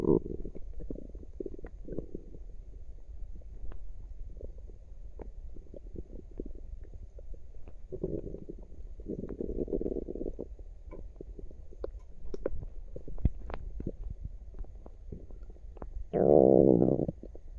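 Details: Active tummy with some burps at the end: frequent gurgles and low rumbles from the abdomen ending in a louder burst; active bowel sounds (borborygmi), a normal finding.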